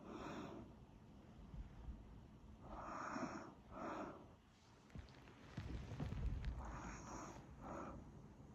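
Rough, rumbling breath noises recurring through the recording over low background noise; snoring.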